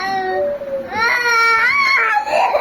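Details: Baby crying in continuous voiced wails rising and falling in pitch, in a small quiet room.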